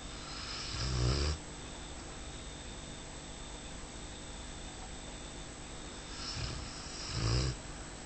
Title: my brothers bull arab snoring pt 2